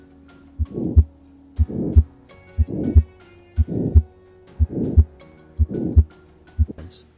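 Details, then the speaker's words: Simulated VR auscultation of a 30-year-old man with severe aortic stenosis, murmur known since age 10: harsh systolic murmur, best at the upper right sternal edge, heart rate about 60 a minute. "we're now going to examine a young man with severe aortic stenosis"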